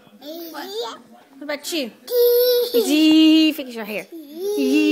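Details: Infant during tummy time babbles, then gives a pitched fussy whimper and short cry bursts in a quiet room: infant fussing and crying.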